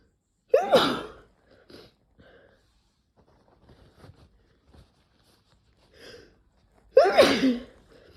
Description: I decided to try Chhinkni and damn it made me sneeze, I don't normally sneeze much at all (even when inducing).